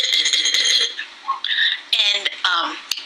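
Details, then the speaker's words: Whooping cough (pertussis): sharp, severe coughing bursts followed by high-pitched crowing inspiratory whoops. "the characteristic of pertois or moping cough is that there is a severe coughing fit followed by an inspiratory so"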